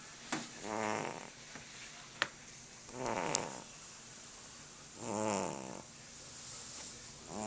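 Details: A sleeping fat cat snores in slow, rattly breaths, about three audible snores in the stretch, with a quiet room behind.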